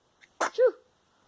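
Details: Sneeze from an 11-day-old baby: a single sneeze.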